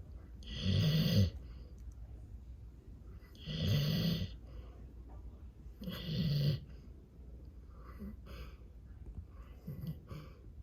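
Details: A fluffy Golden Retriever sleeping under a table against the table leg gives loud, rattling snores about every two and a half seconds, with softer breaths between; snoring.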